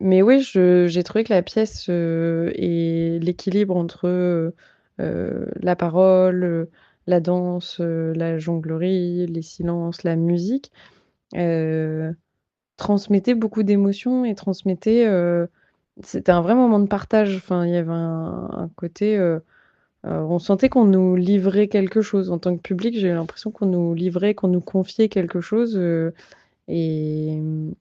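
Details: Adult woman; typical speech.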